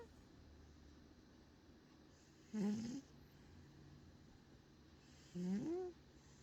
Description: Indy snoring on a rainy evening 😴